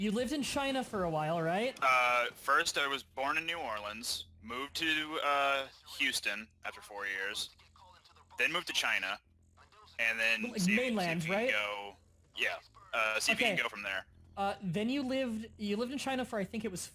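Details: Adult men talking over a voice chat; normal speech.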